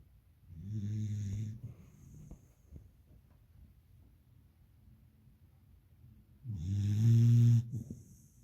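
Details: Two low, rumbling snores about six seconds apart with quiet breathing between; a beagle puppy snoring in deep sleep.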